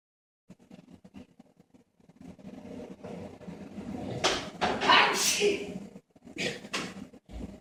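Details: Siberian husky puppy playing with an older husky: play scuffling and grumbles interrupted by a few short, sharp snorting sneezes.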